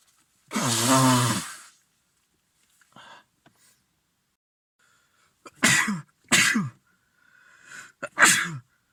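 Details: Man with a lingering cold, blocked and runny nose and sore throat: a long voiced groan, then three sharp explosive sneezes close together in a quiet room, a sneezing fit.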